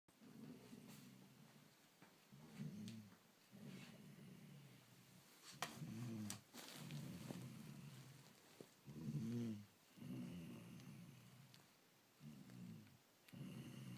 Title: Lion Snoring